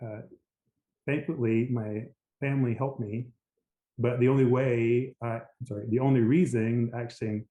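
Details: Aphasia after a stroke in an adult man, a lawyer; initially global aphasia with speech limited to "yes," now recovered in part.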